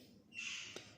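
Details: A pigeon with a mild throat cough, said to be common in the rainy season and noticed at night: a soft, breathy hiss with a faint click.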